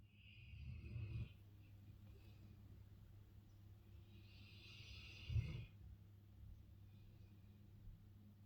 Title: Snoring dogue de bordeaux, lazy big dog.